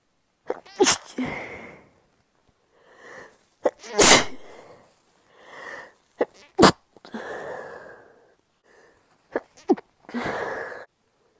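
A run of about five sneezes, some stifled and some wet and explosive, each preceded by a quick inward breath.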